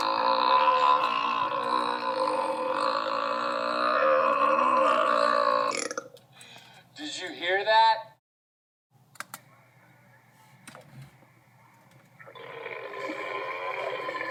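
A long, loud, drawn-out belch with a rough, gurgling tone, then a shorter one; a cartoon sound effect.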